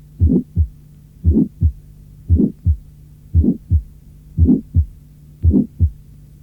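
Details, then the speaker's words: Harsh systolic murmur with the low frequencies removed, as with the stethoscope diaphragm; it sounds higher-pitched than it really is, resembling a mitral regurgitation murmur. "J’ai déjà expliqué ce point, mais je vais vous faire entendre encore une fois comment le timbre d’un souffle rude se modifie lorsque les basses fréquences sont supprimées."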